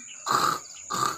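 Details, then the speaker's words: Chicken with recurring respiratory rattle (halak) and nasal mucus, heard while its nose is being declogged: two rough, frog-like croaking breaths with rumbling in the chest, suggesting respiratory infection. "gumagano, parang may kulog sa lib ng dibdib. Yun yung tinatawag na halak."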